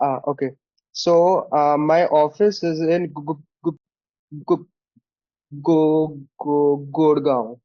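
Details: Stuttering (stammering) in a male participant of an online stammering practice group; finding: stuttering.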